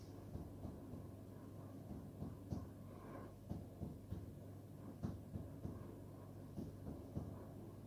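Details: Percussion during an abdominal physical exam: the note changes from resonant to dull at the upper liver border, after tympanic percussion over the abdominal wall.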